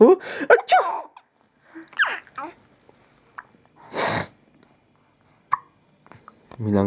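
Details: Single sharp sneeze, followed by the baby's laughter and voices; sneezing makes him laugh very hard.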